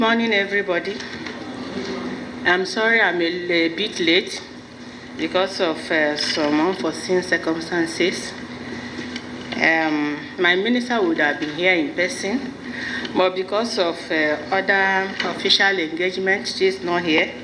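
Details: Adult woman speaking into a microphone; ordinary fluent speech.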